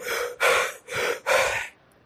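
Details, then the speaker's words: Imitated Kussmaul respiration in a nursing lecture: deep, rapid, loud breaths with no pauses, showing the increased rate and depth of breathing in metabolic acidosis. "तो वो क्या करेगा? Respiration rate बढ़ाएगा। ऐसे सांस लेगा मरीज,"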